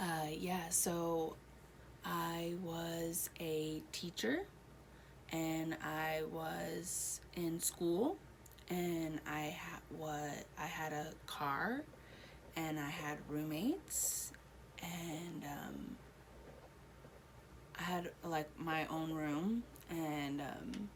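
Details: Adult woman one year after a stroke affecting her right side, with a hole in her heart, blood clots and H1N1; about five words in hospital, speech improving since; Broca's (non-fluent) aphasia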